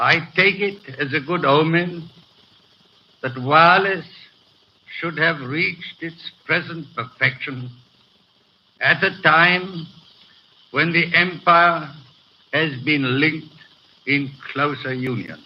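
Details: Adult man with a severe stutter, in his May 1937 coronation-day radio broadcast before full speech therapy; hesitations are heard throughout.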